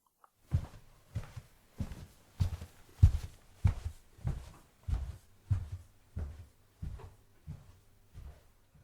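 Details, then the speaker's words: Simulated unilateral hearing loss (moderate-to-severe, left ear) of a 16-month-old girl: about fourteen regular thudding footsteps heard as through one ear, so the walker's direction cannot be localized; listen with headphones. "Without good hearing in the second ear. It's impossible to know the walkers location just by listening."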